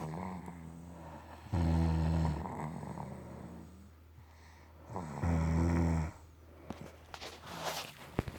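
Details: A mother and baby snoring: two loud, deep, rumbling snores about four seconds apart, with softer breathing and small rustling noises between them.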